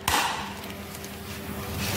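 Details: A single sharp snap, then quiet machine noise, as the bicarbonate bag (biBag) connector clicks into place during priming of a Fresenius dialysis machine, before the acid concentrate is connected and the machine is tested.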